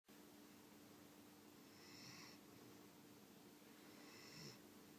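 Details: Faint snoring: two soft, airy snoring breaths in five seconds over a steady background hum.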